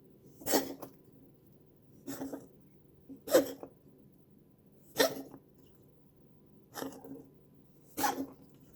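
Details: Cat gives six short, harsh expulsive bursts, each separated by a quiet pause. The owner asks whether the cat is coughing.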